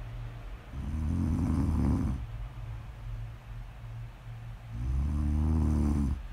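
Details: Two long, loud, low rattling snores on the in-breath with a quiet pause between; ordinary snoring during sleep.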